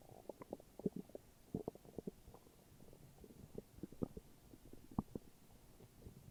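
Irregular low gurgles and bubbling rumbles from the belly over several seconds: ordinary stomach growling from gas and fluid moving through the gut.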